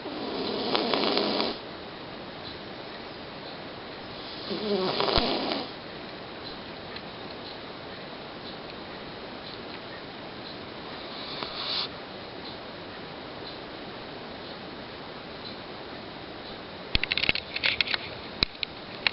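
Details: A cat sleeping peacefully and snoring: soft rasping snores a few breaths apart, with quiet room noise and brief clicks near the end.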